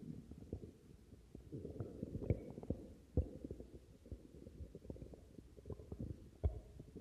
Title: Numberfanagram 24 stomach growling part 4